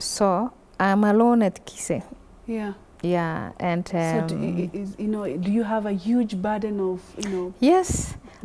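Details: Adult woman speaking; fluent speech.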